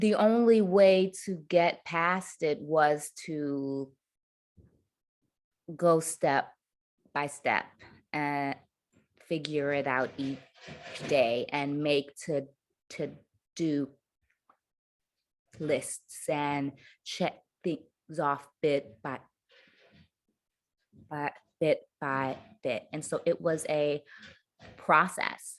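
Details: Adult woman who stutters; her stutter worsened under caregiving stress to the point of being nearly unintelligible; stuttering.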